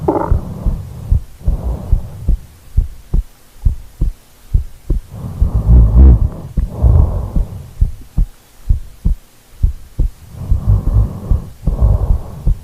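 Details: Real recording of a person asleep who rolled over: steady soft low heartbeat thumps about 70 a minute under slow rushing sleep breaths; normal heartbeat with breathing.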